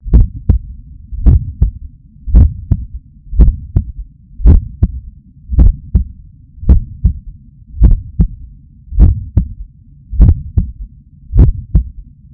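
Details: Adult waking up stressed, heart pumping hard; Stemoscope electronic stethoscope stuck to chest under shirt: steady crisp strong lub-dub at about 54 beats a minute with low hum: normal heart sounds.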